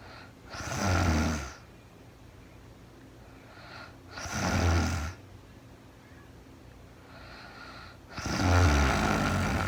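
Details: Woman asleep, real-time recording: slow, rumbling snores on each breath, about three in ten seconds, over low room noise; snoring during sleep.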